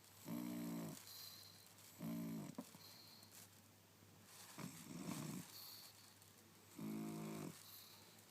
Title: Twitching, snoring Pug